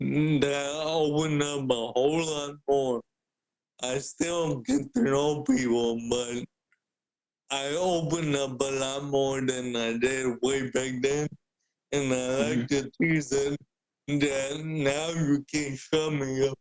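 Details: Adult man with cerebral palsy present since birth, a wheelchair user who describes his physical limitations; speaking is noted as hard for him. Dysarthria (cerebral palsy).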